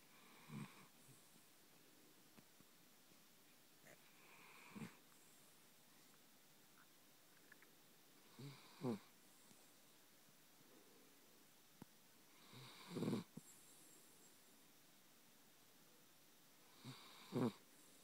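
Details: Sleeping Chiweenie dog snoring softly in a quiet room, about 14 breaths a minute, each with a brief rattling snort on the in-breath; snoring.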